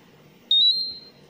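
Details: A single high-pitched electronic alarm tone about half a second long, fading out, from a Terumo infusion pump signalling air in the line.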